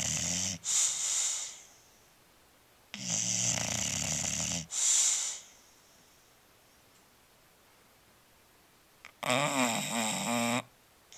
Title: Marshall the Bulldog snoring